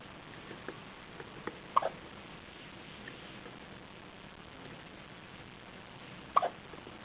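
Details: Newborn baby girl on her first day of life with hiccups after her second feeding: two brief, sharp hiccups about four and a half seconds apart in a quiet room, with faint softer sounds.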